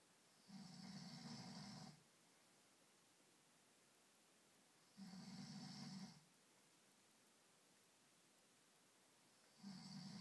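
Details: An adult man snoring during sleep after drinking wine: loud, rough snores on each in-breath, about every four to five seconds, with quiet pauses between.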